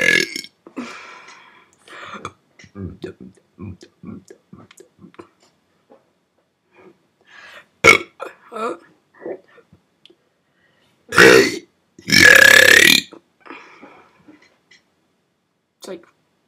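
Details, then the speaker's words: Person burping at 5:03 a.m. for the first time in a while: short croaky throat sounds and faint voice, then two loud, drawn-out belches; ordinary burping. "5:03 in the morning, and I'm belching. Hopefully, I don't wake my parents up."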